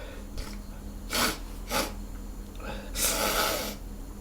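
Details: Hungover sneezes set off by a nasal tickle just before a shower: several sharp, breathy nasal bursts, two quick ones then a longer one, with a low room hum behind.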